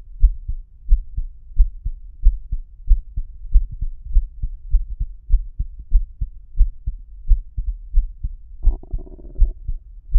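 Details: Own normal heartbeat recorded through a homemade stethoscope mic with a lavalier microphone inside the tubing: steady low thumps at about 90 beats a minute, with a brief hum near the end.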